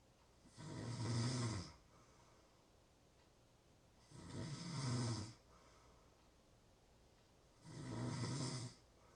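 Three steady, rattling snores about every 3.5 seconds, roughly 17 breaths a minute, with quiet pauses between. Regular snoring in sleep.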